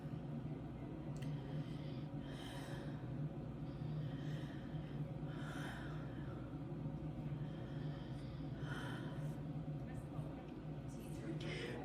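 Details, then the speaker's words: Adult voice-task recording: five slow, deep breaths through the open mouth, each a soft airy rush over a low steady room hum; deep mouth breathing. "for the third task breathe deeply through your mouth five times"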